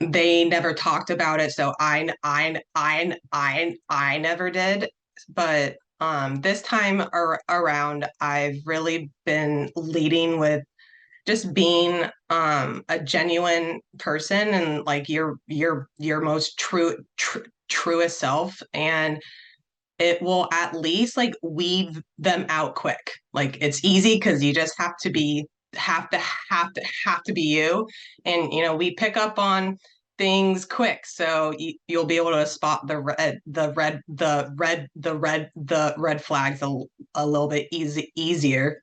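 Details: Adult who stutters, real, speaking as a panelist sharing personal experience in a webinar on dating and stuttering: stuttering.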